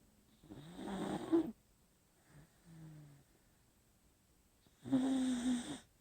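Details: Leila, a sleeping beagle dog, snoring: two rough, buzzing snores about four seconds apart with a soft whistling breath in between.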